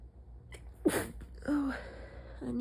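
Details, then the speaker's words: Person sick at midnight, holding back strong sneezes by pinching the nose, with a partner saying bless you: a short catching inhale, then one compressed, pinched sneeze, then a brief voiced breath; stifled sneeze. "They sound painful. They're hard this time. Yeah. I don't think your body wants you to stifle."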